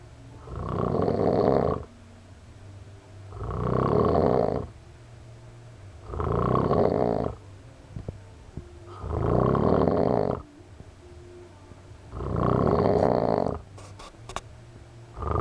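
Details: A friend snoring loudly enough to wake the house: steady, rattling, low snores in a regular rhythm, about 5 in 15 seconds, roughly 20 breaths a minute; snoring.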